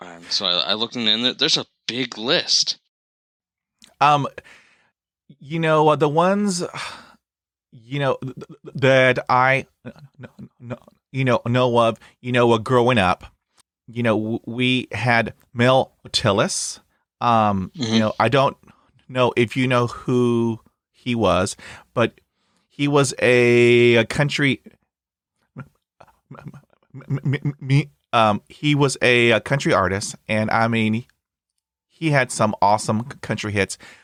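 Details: Adult man who has stuttered since about age 3, with onset around when he developed Lyme disease; full-blown by middle school, now somewhat controlled with bad days or weeks; blocks and repetitions eased by briefly closing his eyes; stuttering.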